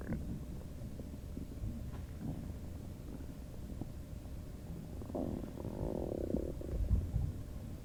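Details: Requested recording of a person's stomach noises with other background sounds: low gurgling and bubbling abdominal rumbles over steady background noise; borborygmi.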